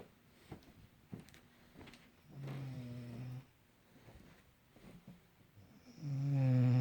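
Low, rumbling breaths with a soft vibrating buzz, one swelling into a louder snore at the end, over quiet room noise: snoring.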